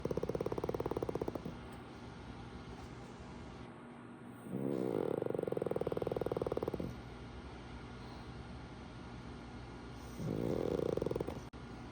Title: KingPug snoring loudly.